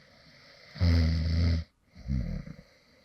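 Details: Light snoring from someone who fell asleep while recording: one loud, low, fluttering snore followed by a softer one.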